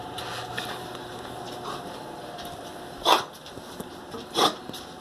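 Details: Female golden retriever coughing indoors: two short, harsh cough bursts a second or so apart over quiet room noise.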